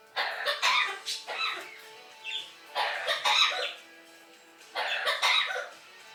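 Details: Several short raspy cough-like bursts from a 23-year-old female Amazon parrot; a learned mimic of a human cough, not illness, and the owner is not sick either.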